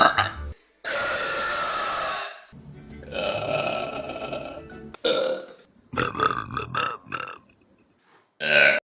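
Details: Compilation of burps from online videos: several long, loud, drawn-out belches with brief pauses between them and music in the background.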